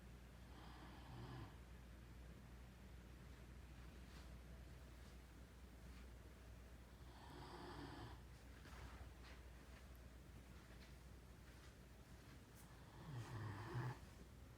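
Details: Great Dane snoring during an afternoon nap while cuddled on a bed with his owner: soft, low rumbling snores with slow breaths, about four in the clip, over steady background hum.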